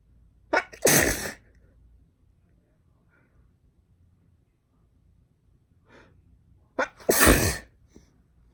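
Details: Girl sneezing, from a sneezing compilation: two loud sneezes, each preceded by a sharp catching breath in, separated by several seconds of quiet.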